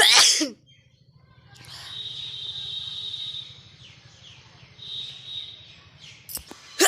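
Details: Sneezing challenge recording: a sharp, hissing sneeze, then a quiet room with birdsong outdoors, and another sharp burst at the end.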